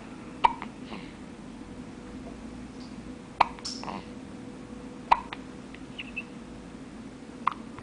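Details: Newborn girl on the day of her birth: four sharp, abrupt little hiccup sounds a few seconds apart over soft room noise; newborn hiccups.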